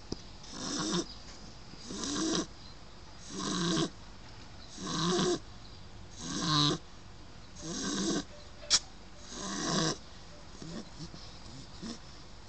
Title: Shar Pei Lola snoring 9 Weeks old